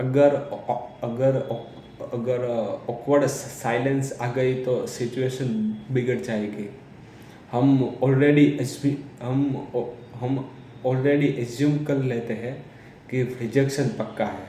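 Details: Man who says he is a person who stammers, speaking Hindi; real speech; stuttering.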